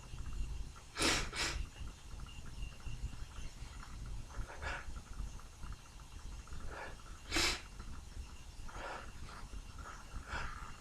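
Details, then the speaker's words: Morning run of sharp, messy sneezes with spray, two close together near the start and another later, over background noise. "It's messy. Two. Everything's getting absolutely caked in spray."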